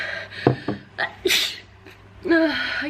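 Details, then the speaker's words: Short gasping in-breaths then a sudden hissing sneeze in a noisy setting from an adult sick with a cold on vacation, unable to stop sneezing; sneezing. "I feel so gross. I'm like trying to have a good time, but I can't stop sneezing."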